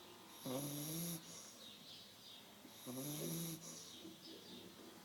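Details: Brand-new puppy snoring in deep sleep: repeated nasal snores with a slight whistle, about two and a half seconds apart, each followed by a softer exhale.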